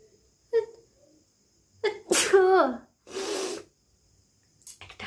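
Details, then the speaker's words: Deliberately induced sneeze during a sneezing challenge: a short voiced buildup, then a loud sneeze with a rising voiced cry and a breathy release. "ঠিক আছে, তো এটা নিয়ে আমি আজকে হাঁচি দেবো। তো দেখি আমি কটা হাঁচি দেবো।"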